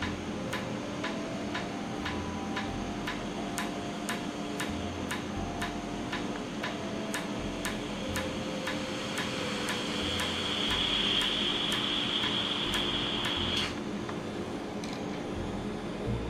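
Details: Real laser tattoo removal in a clinic, skin pre-numbed and cooled with air. Steady sharp clicks about four per second over a constant machine hum with a brief high tone as the laser fires pulses. Patient likens it to repeated injections.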